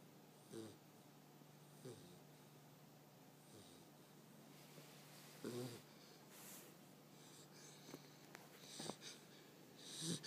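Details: Irregular soft snorting breaths with faint wheezy, whistling noises from a sleeping American Bulldog puppy; loud puppy snoring.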